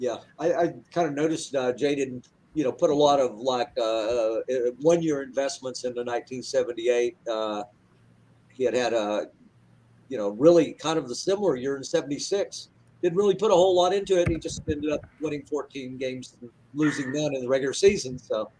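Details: Adult male speaker; typical voice.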